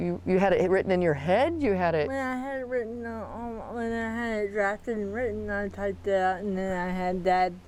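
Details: Dysarthria in a 40-year-old woman with moderate athetoid cerebral palsy, quadriplegia with moderate to severe physical involvement, GMFCS level 3/4; speech may be hard to understand.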